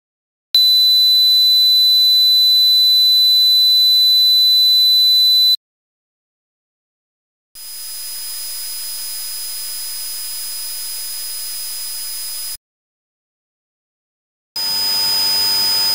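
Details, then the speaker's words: Simulated tinnitus from a set of ten synthetic tones of differing waveform and frequency: three separate tones, a steady high whistle then hissy high tones, each a few seconds. "there are ten tones which make up the most common tinnitus sounds each is a different waveform and frequency the idea is that your tinnitus should sound similar to one of the following tones"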